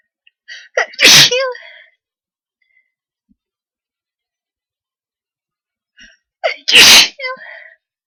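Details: Sneezing powder: two loud explosive sneezes several seconds apart, each preceded by a quick catching inhalation and followed by a brief trailing exhale, in a quiet room.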